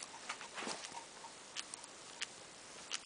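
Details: Knees cracking: several sharp, dry clicks and pops over a quiet background; knee joint crepitus.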